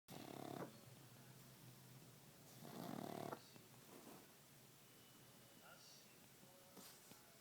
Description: He might only be a pup, but he snores like an elephant